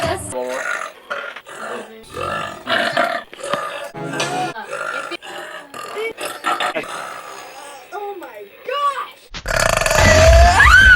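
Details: A string of loud, drawn-out voiced burps with brief pauses between them, some rising in pitch, ending in a long loud belch with background noise; a burping compilation.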